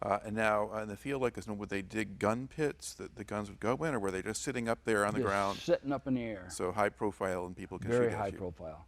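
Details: Adult man speaking; Normal adult speech.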